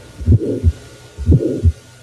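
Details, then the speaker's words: 24-year-old female medical student with atypical, intermittent chest pain before an exam and an otherwise normal examination: heartbeat near 60/min, soft systolic murmur between clear S1 and S2, good second sound. Benign systolic flow murmur. "and there is good second sound here so what is this this is not our T nois this is a benine flow Mor more that so many people have"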